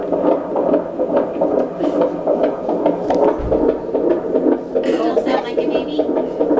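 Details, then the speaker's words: Fetal heartbeat on Doppler at a prenatal doctor's appointment: fast, rhythmic whooshing pulses about 146 beats a minute, normal, likened to a galloping horse. "On dirait un cheval galopant pour moi. - Ouais ça sonne comme un cheval au galop"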